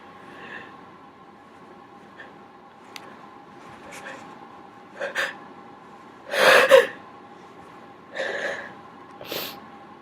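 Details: Sneezing triggered by tickling the nose with a q-tip: a run of several sharp nasal bursts with catching breaths before them, the loudest near the middle.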